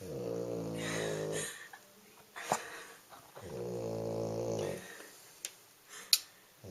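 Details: Loud snoring from a very sleepy sleeping animal: two long buzzing breaths about two seconds apart with soft clicks between them; rhythmic snoring.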